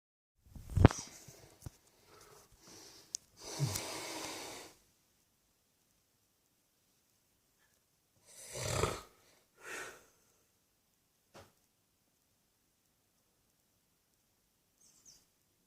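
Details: An old man drifting slowly asleep on Christmas day: irregular noisy breaths and a few snorting snores with long quiet gaps.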